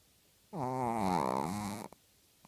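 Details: Snoring: a single long, buzzing, rumbling breath of about a second and a half in a quiet room.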